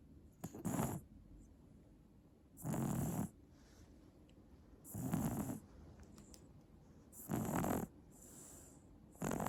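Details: 8-month-old baby sleeping: regular soft snores with each breath, about 26 a minute; ordinary infant snoring.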